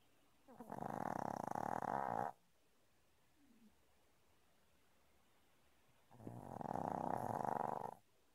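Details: Normally silent sleeper, likely a dog, snoring unusually loudly in the morning: two long, rattling snores, each close to two seconds, separated by a quiet pause.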